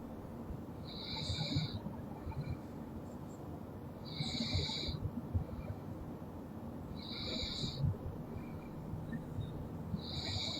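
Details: Loud snoring from a sleeping girl: low rumbling breathing with a high whistling nasal snore about every three seconds, around 20 a minute.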